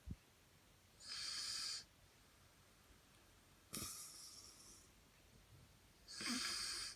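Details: Snoring in a 15-year-old boy (5 ft 10 in, 156 lb): three long, hissing, whistling breaths a few seconds apart with quiet between, a whistly snore.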